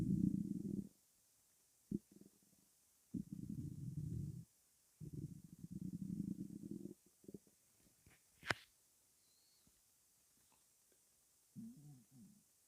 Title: Stomach rumbling (headphones advisable )